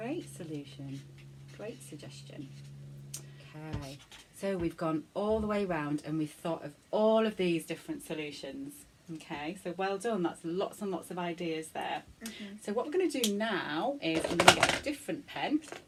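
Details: Adult woman speaking; Normal speech.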